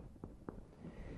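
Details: Resonant percussion note over the lungs during posterior thorax physical examination of an adult woman.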